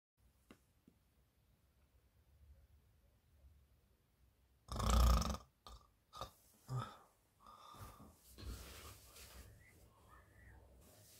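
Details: Adult woman snoring heavily in bed, from a staged comedy sketch that is likely acted: a loud snorting snore followed by shorter snorts and grunting breaths; snoring.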